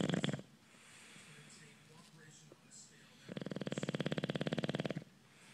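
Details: Bulldog snoring: a brief snort, then a fluttering, rattling snore lasting nearly two seconds.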